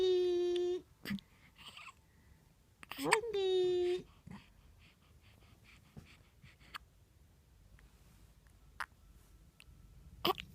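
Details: Infant hiccups: short, abrupt hiccup sounds at irregular intervals, with two brief squeaky whimpers.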